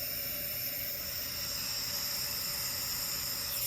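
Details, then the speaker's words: Jet nebulizer with a face mask, demonstrated by the presenter breathing in: steady loud hiss. "so what we would do is we would take this portion off completely and the mask would go on like this then you just put this on their face and you can see when i breathe in"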